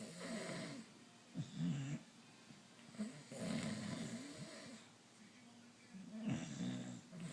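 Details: Snoring contest between two sleepers, one of them a father: loud rattling snores repeating every few seconds, with more than one snorer overlapping in a quiet room. Snoring.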